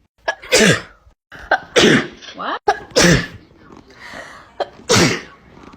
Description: Short sneezing compilation